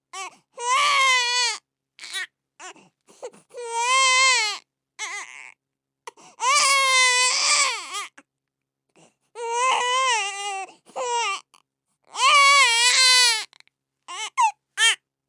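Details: Infant crying: loud, high-pitched wails separated by brief pauses and catch breaths.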